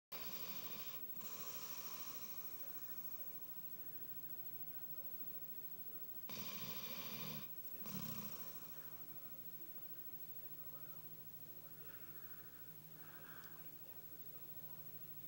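Soft rasping snores in a quiet room, a couple of louder snorting breaths midway, consistent with a dog snoring in sleep.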